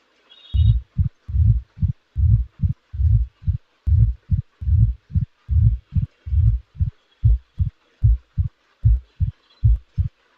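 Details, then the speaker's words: Teaching demonstration of mitral stenosis: regular heart sounds at about 74 per minute, each with a sharp early diastolic sound after the diastolic murmur and presystolic accentuation are removed, leaving the opening snap alone; opening snap of mitral stenosis. "Now the early portion of the diastolic murmur will be eliminated, leaving only the pre-systolic portion. Now the murmur is removed, leaving the opening snap."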